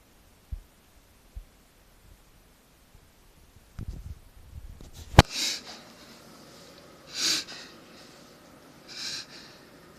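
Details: German Shepherd dog making a few harsh, snorting inward breaths, which the owner thinks are reverse sneezes.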